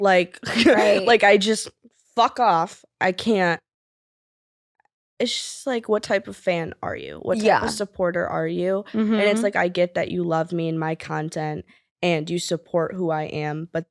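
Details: 20-year-old woman with Tourette syndrome (involuntary motor and vocal disorder, diagnosed 2020, with tic attacks) speaking with interjected vocal tics; vocal tics with coprolalia-like swearing.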